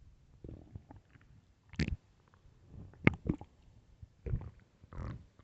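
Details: Loud hunger stomach growls: low gurgles, squeaks and rumbles come irregularly with quiet gaps between them; borborygmi.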